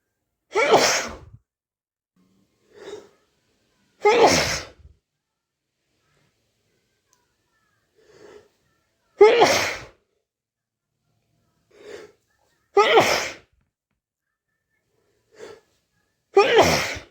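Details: Five sharp sneezes, each preceded by a short catching in-breath, in a quiet room; itchy sneezing.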